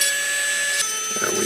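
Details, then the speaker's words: High-pitched whine of a spinning round dental bur, dropping in pitch as it grinds and smooths excess acrylic around a Locator processing male on a complete denture during chairside housing processing. "same thing i'm going to use this time a rounder to clean out some of the accessories around my denture processing nail"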